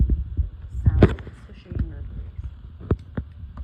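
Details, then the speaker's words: Stethoscope auscultation of the femoral artery by a student physical therapist, after the abdominal, renal and iliac arteries: soft, low pulse thumps with stethoscope rustle and no swishing bruit, a normal finding. "And then the lowest ones would be the femoral artery. And that would be a normal assessment because I did not hear any"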